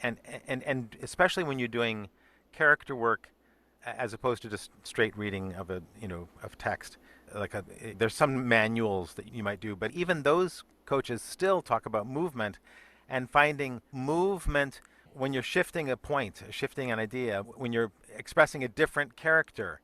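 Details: Adult speaker who notes their own stutter, with audible word repetitions in conversational speech; stuttering.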